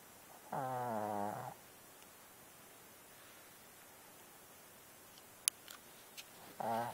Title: Little Dog, Big Snore Part 2